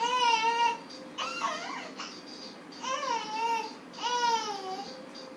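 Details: 4-month-old baby girl screaming out loud for no apparent reason: short, high, tonal squeaky cries and whimpers in a quiet room; infant crying.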